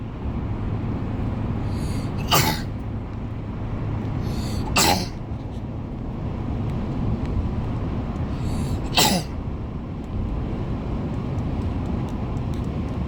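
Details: A child coughs repeatedly, three short sharp bursts over a steady engine rumble; repeated cough.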